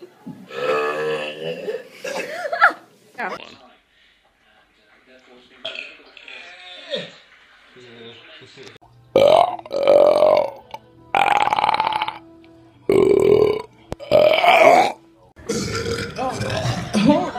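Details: Girl deliberately burping, compilation clip: loud, drawn-out voiced belches repeated several times between bits of talk; burping.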